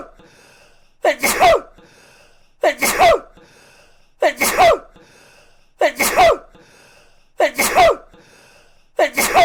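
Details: Six sneezes in a row, each a sharp intake followed by a loud burst, evenly spaced about every 1.6 seconds; repeated sneezing.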